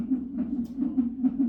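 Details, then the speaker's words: Fetal heart tones on an electronic fetal monitor Doppler at 37 weeks 3 days, probe over the baby's back; fetal rate in the 140s versus maternal pulse about 60, confirming fetal heart. "baby's heart rate is 140s and hers is about 60 so now you know you're on the fetal heart time"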